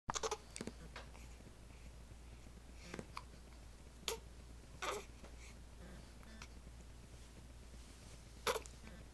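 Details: Nine-day-old fussy infant with hiccups: a few brief, sharp, catch-like sounds spaced seconds apart in a quiet room.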